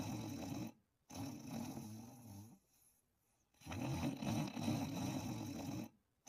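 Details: Snoring while asleep and dreaming: loud, rough, rattling snores on each breath separated by brief quiet pauses.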